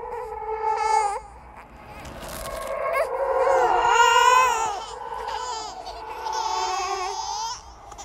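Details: Simulated "ghost baby" horror sound effect: drawn-out, wavering high-pitched wails with whimpering breaks; infant cry.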